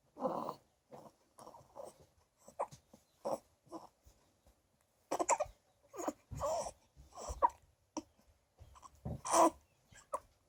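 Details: Female newborn just over a week old: short, squeaky, voiced catches repeating roughly every half second to second, about fifteen in ten seconds; infant hiccups.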